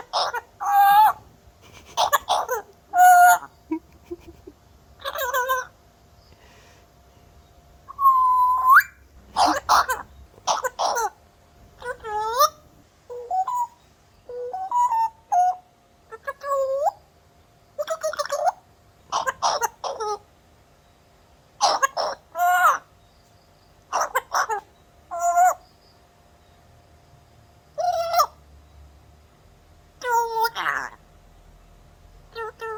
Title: African grey parrot imitating cough sound